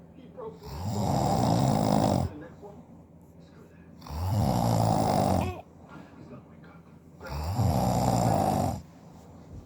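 Three loud, harsh snores, each lasting over a second, about four seconds apart, roughly 15 breaths a minute; heavy snoring.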